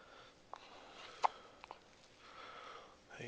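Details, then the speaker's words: Hiccups in a baby after eating: three or four brief, sharp hiccup sounds at uneven gaps, faint against quiet room noise. "Oh, you got the hiccups. Yeah, he's such a baby."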